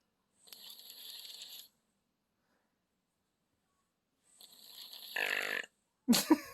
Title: Sicky kid snoring